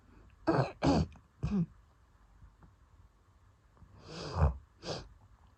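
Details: Person coughing with wheezing during an asthma attack triggered after going outside early in the morning; asthmatic cough with wheeze.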